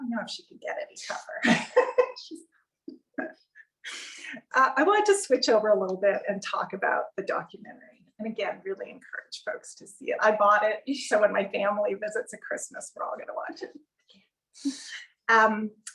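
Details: Adult woman speaking in a small room; ordinary fluent speech.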